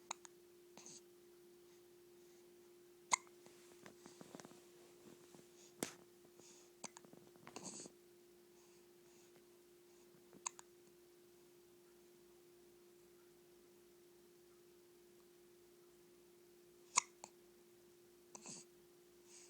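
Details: Infant hiccups, recurring episode: short, sharp hiccup sounds in scattered bursts in a quiet room with steady background hum.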